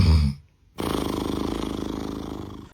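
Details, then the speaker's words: Deep, rattling inhaled snore with a comic, purring flutter after a short pause; harmless snoring. "年朋友打呼噜，记得帮他听一下。这种问题不大。这种呢有一点吵，但也没事，可能是太累了。"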